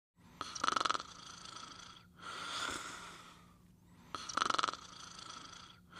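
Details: Sleeping dog snoring during what the owner calls a bad dream: repeated whistling, fluttering snores on each in-breath with softer out-breaths, about two breath cycles; snoring.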